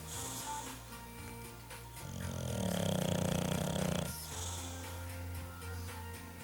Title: Chubby our English Bulldog sleeping soundly, snoring away.